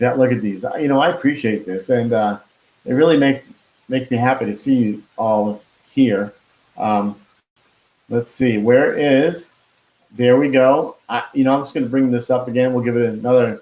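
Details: Expressive aphasia after a stroke with heart attack in 2016 in a man, now 53, who could not talk at first and still loses words; hospitalised five months.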